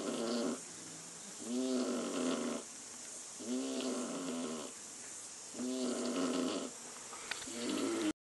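Rhythmic rattling, buzzing snores on each breath, about 30 a minute, with quiet gaps between them: ordinary snoring.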